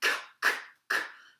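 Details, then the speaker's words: Physiotherapist demonstrates huffs (forced expiratory technique): a breath in, then three breathy, open-mouthed forced exhalations, each fading over about a third of a second. "there's one called the FE T the forced expiratory technique or a huff where you're having a really long open mouthed cough outlet so it's a breath in and then I open mouthed off afterwards it sounds a bit like this or something like saying"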